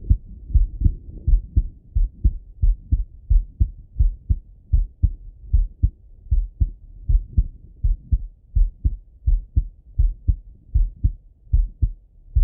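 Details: Male heart auscultated with a stethoscope, recorded partly sitting at a desk and partly lying in bed: steady low thumping paired sounds at about 80 beats a minute; normal heart sounds.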